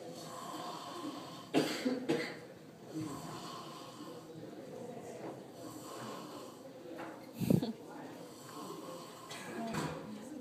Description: Kid snoring in Carrier library at JMU